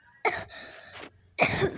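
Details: Adult cough: two short harsh coughs, the first followed by a drawn-out rasping exhale.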